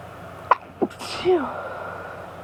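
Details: Run of sneezes during an allergy fit: two short sharp bursts then a fuller sneeze with a voiced tail, with someone saying "bless you" between.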